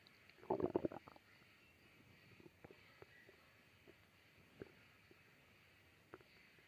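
A short gurgling rumble, then scattered faint clicks and gurgles in a quiet room. Ordinary stomach growling.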